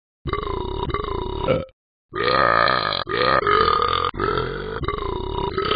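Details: Simulated burping from the Talking Ben the Dog app, with long, loud, drawn-out belches strung together like the tune "God Bless America", with a short silent gap; repeated burping.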